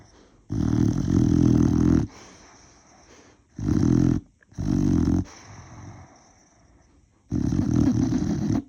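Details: Sleeping boxer dog snoring heavily: loud, deep, rumbling snores with quieter breaths between, about four snores in nine seconds.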